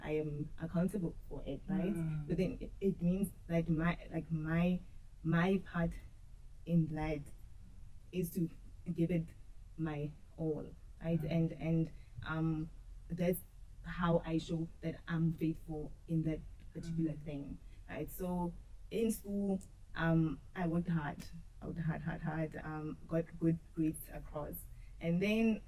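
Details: Woman who says she has stuttered and struggled with it since school; her stuttering is noticeable in her interview speech; stuttering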